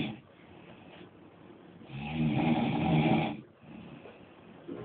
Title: Stop Snoring using Devices